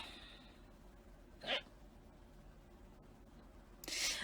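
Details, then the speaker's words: Adult with persistent hiccups during a live stream, says not drunk: two brief, sharp involuntary catches of breath about two and a half seconds apart, over quiet room noise. "I wish I wasn't hiccuping so much. It gives the impression that I'm drunk."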